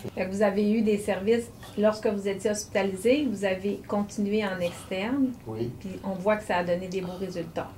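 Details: Adult woman speaking French; normal speech.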